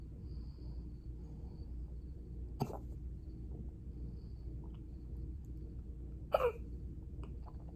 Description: They didn’t last long but were pretty intense lol 😆